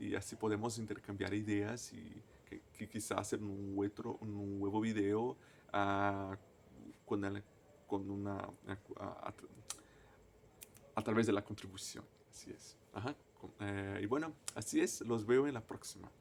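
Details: Stuttering in an adult man, a native Portuguese speaker, speaking Spanish as a foreign language.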